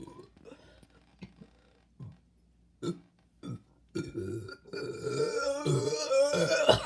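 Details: Series of short deep belches, then a long drawn-out croaking burp after drinking Pepsi; burping.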